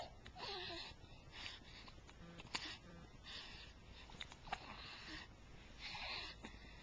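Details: Two sharp, abrupt clicks among noisy breaths in a quiet room, fitting hiccups.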